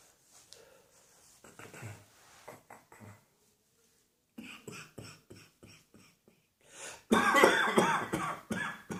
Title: Cross Dressing Coughing 124.